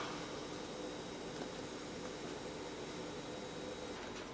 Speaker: you want to go ahead and bring your pump up alongside the patient go ahead and turn it on let it spin up